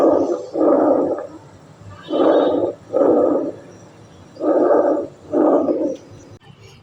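Loud, harsh, hollow breath sounds with inspiration and expiration about equal in length and a clear pause between breaths: normal tracheal breath sounds.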